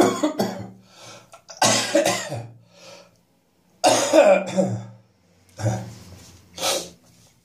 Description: My chest infection is on the way out now, but it has left me with plenty of catarrh in the mornings.